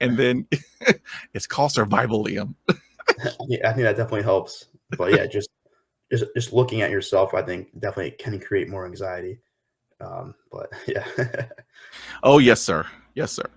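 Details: Stuttering in an adult man who stutters, a podcast host who still has blocks and copes by stopping and breathing.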